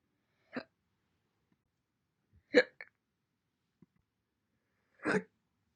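Three separate sharp, abrupt hiccup sounds with quiet pauses between them, each a sudden catch in the breath, consistent with hiccups.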